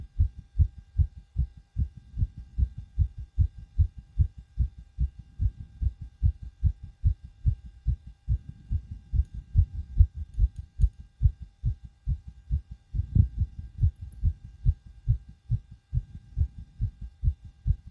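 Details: Fast, forceful heartbeat at about 146 beats a minute, recorded with a DIY stethoscope on the recorder's own chest right after backflips and bouncing on a trampoline: a rapid pounding heartbeat after exercise.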